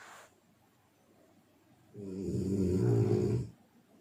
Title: Bunyi dengkur yang membantumu tahajud (snoring sound)